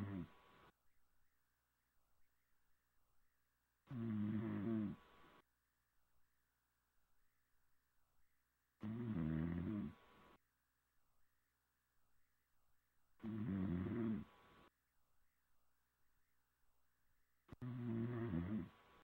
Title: Snoring Over Xbox Live